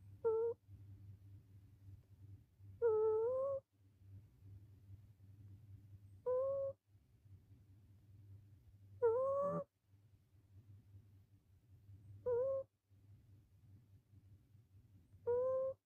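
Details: Sleeping rescue cat: rhythmic snoring about ten a minute, soft low purring rattles on the breath in, rising squeaky whistles on the breath out.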